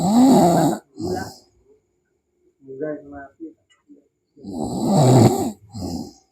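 Loud, rough snoring bursts separated by quiet pauses, with softer snorting sounds between; ordinary sleep snoring.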